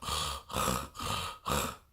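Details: Imitated stertor, a voiced impression of the noisy breathing caused by an elongated soft palate in brachycephalic (short-nosed) dogs and cats: three low, rattling, snorty breaths, lower-pitched than laryngeal collapse noise.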